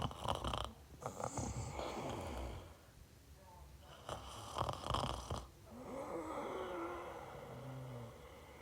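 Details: Rough, fluttering snores on several breaths with softer whistling sounds between; snoring during sleep in a quiet room.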